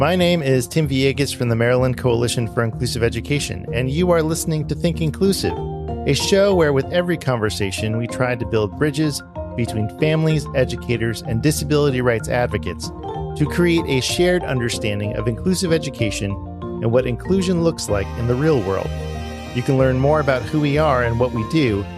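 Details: Adult male speaker; normal speech.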